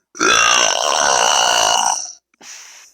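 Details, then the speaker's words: Deliberate burp: a long, loud, rumbling belch lasting about two seconds, then a brief softer exhale. "nice burp but i can do better say yes if you want to hear the loudest burp in your whole entire world"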